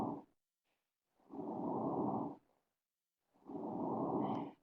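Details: Normal breath sounds from a simulated virtual patient in Shadow Health, auscultated over the lungs and back through a stethoscope; soft, even breathing, clear with no added noises.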